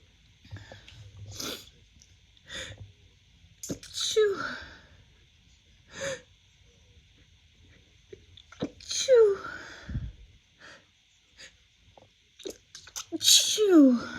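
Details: Three forceful sneezes from an adult woman in spring 2024, attributed to pollen, each preceded by a sharp catching inhale, with quiet sniffs and breaths between; allergic sneezing.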